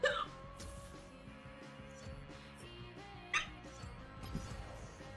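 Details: Streamer with hiccups after eating too fast, saying they feel sore: two abrupt, sharp hiccups about three seconds apart over background music.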